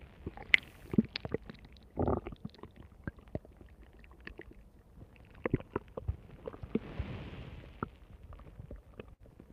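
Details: Soft gurgles, squelches and clicking bubbles with a low rumble from a tummy recorded over about 2 minutes 45 seconds; stomach rumbling.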